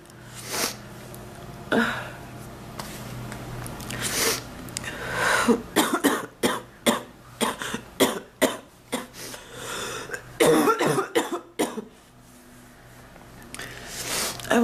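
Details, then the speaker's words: A long run of about fifteen sharp, rapid coughs in clusters in a quiet room, from an adult woman with an ongoing, unimproved cough she compares to past bronchitis, with chest discomfort; a persistent coughing fit. "I wish I didn't have to have a cough right now. Oh. The house is a mess. I have a cough like this."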